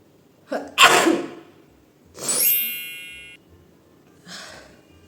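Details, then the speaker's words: Induced sneeze after sniffing chili flakes during a sneezing challenge: a quick in-breath, then a sharp sneeze, a trailing voiced exhale and a softer breath. "यह chilli flakes से मुझे 20 times sneeze लाना है पता नहीं कैसे हो पाएगा लेट्स ट्राई"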